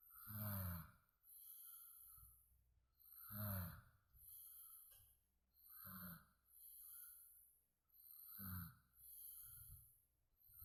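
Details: Sleep snoring: loud, rough snores on each in-breath with quieter breathing between, about 20 breaths a minute; ordinary snoring.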